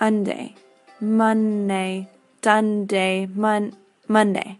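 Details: Patient with conduction aphasia, a fluent aphasia from posterior language-centre damage with intact comprehension, attempting to repeat words for a clinician and producing distorted repetitions; conduction aphasia.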